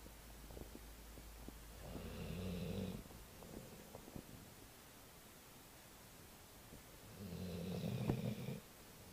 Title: snoring dog